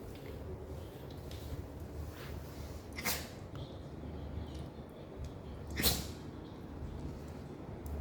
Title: Hachi hates the smell of vinegar #sneezing #shiba #puppylife